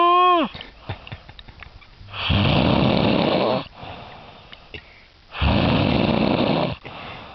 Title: Snoring swedish guy.....